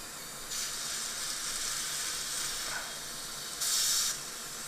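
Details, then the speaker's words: Dental drill with a fine diamond burr removing remnants of an old filling, exposing decay underneath that did not show on the radiograph: two bursts of high, hissing spray. "Anything minute is easily removed with the fine diamond burr."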